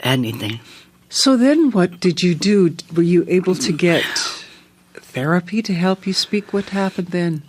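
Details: Adult interviewer speaking; normal fluent speech.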